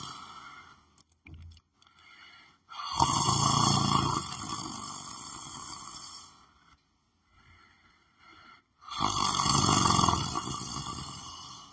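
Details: Person lying on the floor of the room, sleeping: two long, loud rasping snores about six seconds apart, with quieter breathing between them; snoring.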